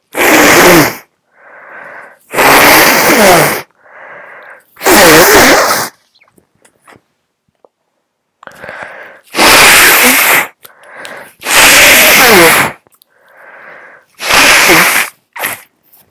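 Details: Seven loud, partly held-back sneezes, each preceded by a quick inward breath, in an adult run down after flu with a cold caught from a coworker sneezing on them; stifled sneeze.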